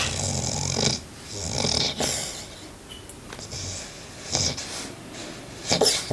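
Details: 4-month-old Great Pyrenees puppy snoring while napping: noisy, rough snoring breaths in a small room, about five breaths in six seconds.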